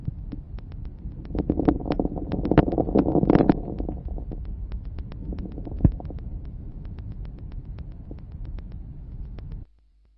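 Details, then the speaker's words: Many fine crackling pops over soft breath sounds, increasing in number and intensity toward end-inspiration, best heard with slow, large-volume breathing. Finding: late inspiratory crackles. "ils sont nombreux il s'agit de crépitent enfin ils augmentent en nombre et en intensité à la femme d'inspiration ce caractère est mieux perçue lors d'une ventilation à faible fréquence et grands volumes courant"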